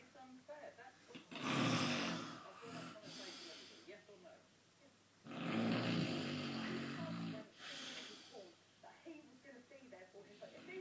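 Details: Two long, loud, rasping snores from a person sleeping, heard over background television talk; farting also noted in the recording; snoring.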